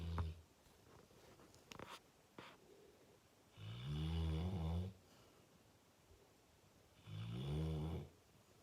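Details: Full-grown male Fox Red Labrador snoring while asleep, said to often wake himself: deep, loud rumbling snores on the in-breath, two over several seconds, with small clicks between.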